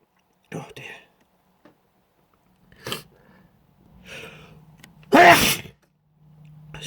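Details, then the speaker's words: Short spoken fragments then one loud explosive sneeze, acted during a simulated video conference call. "I'm just gonna have to take a pause here it's a sneeze so try not to keep watching me keep yourselves busy for a moment excuse me thank you excuse me"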